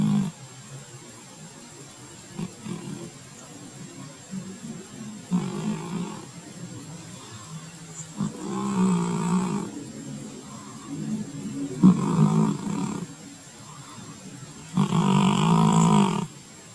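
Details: Soft, low rumbling snores every few seconds over faint room hum from a cat asleep on a couch.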